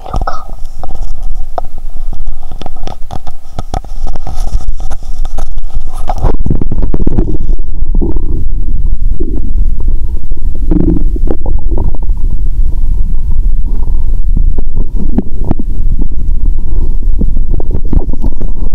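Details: Bowel sounds (borborygmi) heard by stethoscope: low gurgling rumbles with bubbly, watery shifting noises throughout; stomach sounds audible even near the heart.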